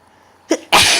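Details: A quick in-breath, then one very powerful, loud, explosive, wet, spray-like sneeze.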